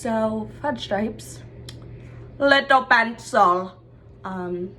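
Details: Young woman diagnosed with Tourette syndrome, with simple motor tics from about age 7 and later complex tics and complex sounds, producing vocal tic phrases while speaking; vocal tics (Tourette syndrome).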